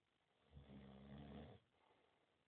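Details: Sleeping friend snoring, recorded on a mobile phone camera: a single low, rumbling snore lasting about a second over quiet room noise.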